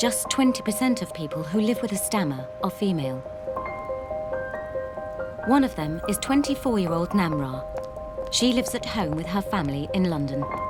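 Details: Adult narrator; normal fluent speech.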